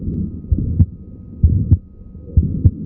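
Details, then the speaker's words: Pediatric auscultation, Marfan syndrome with mitral valve prolapse: mid-systolic click, which can resemble a split first heart sound or an aortic ejection click. "Si oímos una cosa rara en un síndrome de marzan que tiene insuficiencia órtica o no hace falta que tenga insuficiencia ambial, perdón, con prolapso, pues va a ser esto. Esto es un clico es histórico."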